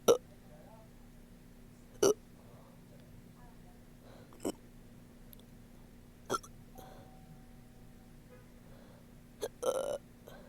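Sharp, abrupt hiccup sounds about every two seconds, some with a burp-like quality, in a quiet room; repeated hiccups.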